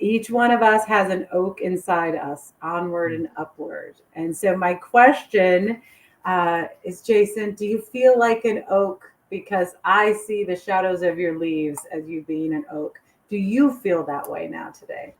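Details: Adult woman; normal speech.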